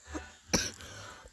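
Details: A single short, harsh cough or throat clear from a person in a quiet room.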